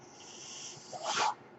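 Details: Mechanical ventilator sound heard behind the speaker, who says the noise is his own ventilator.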